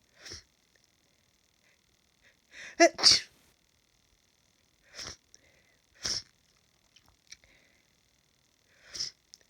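A run of about six quick, hissing sneezes with short pauses between them, a bout of repeated sneezing.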